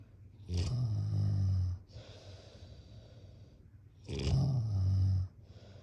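Two loud, low rumbling inhalations about four seconds apart, each lasting over a second with a rattling vibration, followed by quieter breathing out: typical snoring, roughly 15 breaths a minute.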